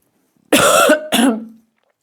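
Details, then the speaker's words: Two quick throat-clearing coughs from an adult woman who says she is currently hoarse, the second trailing off into a low rasp; cough with throat clearing. "Excusez-moi. En ce moment je suis enrouée. Vous pouvez entendre ma voix et moins claire."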